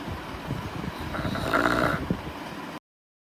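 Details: Low, rattling, fluttering breath from a tired Saint Bernard dog in deep sleep; snoring.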